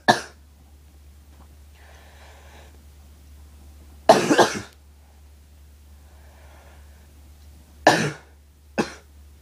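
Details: Four separate harsh coughs spaced over several seconds in a quiet room with a low background hum.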